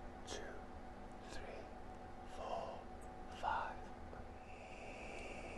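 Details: Man with a very quiet voice for about 30 years since his mid-30s, later improved with visual biofeedback therapy without Botox; uncertain whether abductor spasmodic or functional dysphonia: breathy, near-whispered voice (abductor spasmodic vs functional dysphonia).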